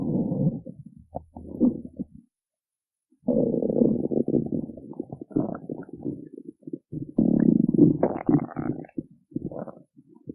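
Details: Stomach growling from a person who skipped breakfast. Finding: borborygmi.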